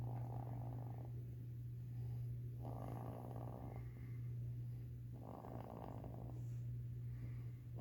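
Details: A 4.5-month-old young animal snoring softly and rhythmically while resting, about one breath every two seconds, over a steady low hum.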